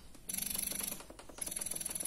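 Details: Spectra S1 Plus hospital-grade electric breast pump cycling suction and release, heard as rapid mechanical ratcheting pulses with a high whine in two bursts; demonstrated in expression mode (levels up to 12) around level 6–7, with adjustable cycle speed.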